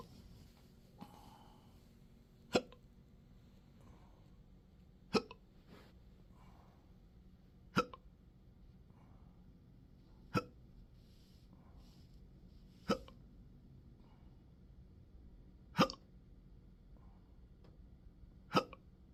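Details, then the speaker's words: Intractable hiccups with belching, choking spasms and developing achalasia since December 2015, now 12-hour episodes seven days a week: sharp regular hiccups about every 2.6 seconds, roughly 23 a minute, in a quiet room; persistent hiccups. "And so it'll go for 12 hours, and then I don't know what kind of aggression it will be. If it will be tolerable where I can function, or just so aggressive that I'm hiccuping, cho"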